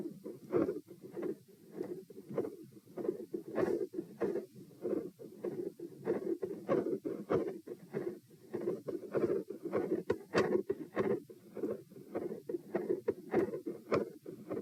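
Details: Heart sounds at position P, second repeat test: pronounced respiratory phasic variation in rhythm (rates 90-72-96-90-102 bpm) persisting despite provoking manoeuvres; mostly quiet, with intensity increasing at the end.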